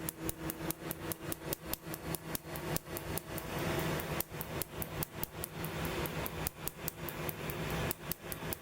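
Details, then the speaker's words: Second laser tattoo removal session on a woman's central chest tattoo, starting at the top, painful despite numbing cream; rapid sharp snapping laser pulses, about two to three per second, over a steady hum. "Fair warning, this segment is seven very long and painful minutes primarily of laser. I had to take three breaks, but I cut that out for the most part."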